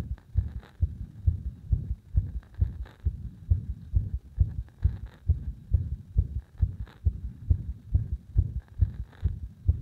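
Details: Arrhythmia deliberately induced by gradually increasing pressure on the heart: rapid low heart thumps, roughly 130 a minute, with uneven spacing; cardiac arrhythmia.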